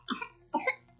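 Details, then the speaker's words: Acted child cough in a Philippine Department of Health radio advert on pertussis (whooping cough): two short hoarse cough bursts, no inspiratory whoop heard. "baka copperis o woping c na iyan nagdudulot ito ng upya o pagtigil sa paghinga pagkahirap sa paghinga at pagsusuka"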